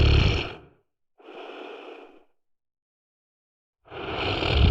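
Loud, low, rumbling snores on the in-breath alternating with a softer breathy out-breath and a pause: snoring.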